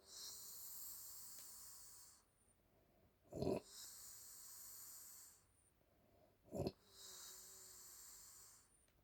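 Loud snoring snorts at about 19 breaths a minute, with steady hiss of background noise between them.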